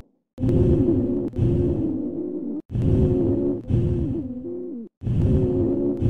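Breath cycles with coarse, low-pitched snoring and musical sounds through both inspiration and expiration: rhonchi.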